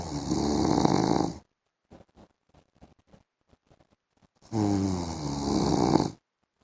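Two loud, rattling snores on breathing in, with a quiet pause and faint rustling between them; snoring.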